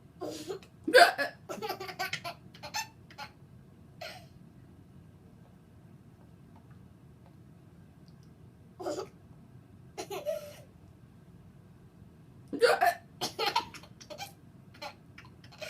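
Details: Young boy laughing so hard he starts hiccuping: repeated abrupt hiccups, each followed by bursts of child laughter; hiccups.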